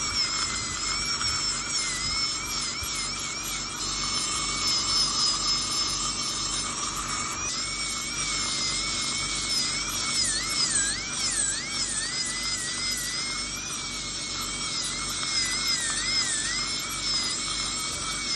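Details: Steady high-pitched whine of a high-speed dental drill, pitch dipping and wavering, during crown preparation on a real male patient for porcelain-fused-to-metal bridges replacing extracted upper right second premolar and lower right first molar.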